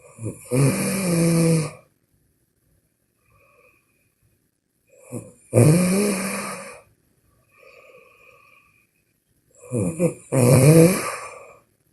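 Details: Snoring during sleep: loud, rattling snores on each breath, with quieter breaths between, about 12 breaths a minute.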